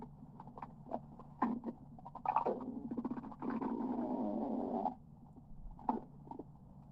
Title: my stomach growling for 38 second #17